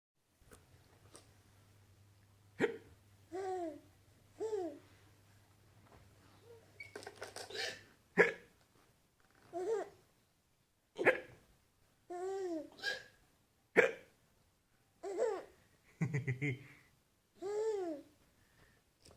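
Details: Repeated short, sharp voiced gulps at irregular intervals, about eleven a minute, with quieter sounds between them: a mother's hiccups.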